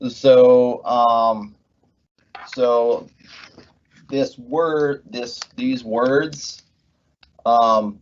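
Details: Adult man with aphasia after a left-hemisphere ischemic stroke from left internal carotid dissection, with right hemiplegia; after speech therapy, word-finding difficulty persists months later; halting speech with fillers and repeated words: aphasia with word-finding difficulty.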